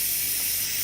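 Steady airy hiss of mist flowing from a nebulizer cup driven by an oxygen concentrator at full flow.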